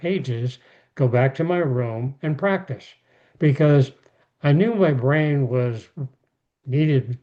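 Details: Aphasia in an adult male after a stroke; speech rebuilt through therapy and daily practice.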